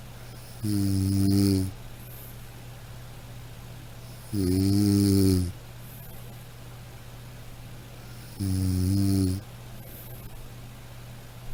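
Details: Three steady, buzzing snores about every 4 seconds over a constant low hum; snoring, from a sound-effect recording.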